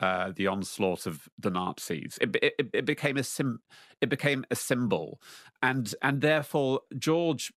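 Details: Lifelong stuttering in an adult man who now faces his fear of it in public; stuttering.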